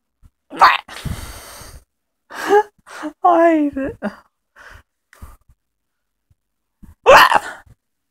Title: Serious hiccups.